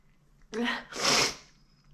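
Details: Self-induced sneeze after tickling the nose: a voiced inward breath, then one loud, wet, messy, hissing burst of air, then quiet.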